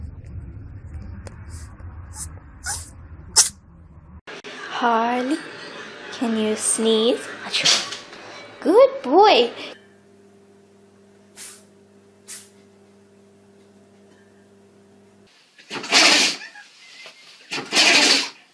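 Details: Animals sneezing compilation; short, sharp sneezes from animals, with people saying "bless you," talking and background music between them.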